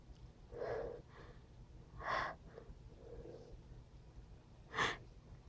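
Three short, sharp bursts of air with snuffly breaths between them; repeated sneezing.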